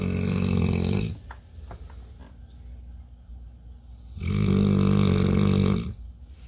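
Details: Dog asleep snoring: two long, loud, buzzing rattles on the in-breath about four seconds apart with quiet breathing between.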